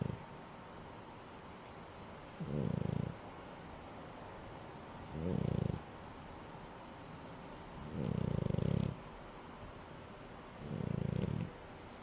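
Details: French bulldog puppy snoring while napping: four low rattling snores in 12 seconds, one per breath at about 20 a minute, over steady room hum; ordinary sleep snoring.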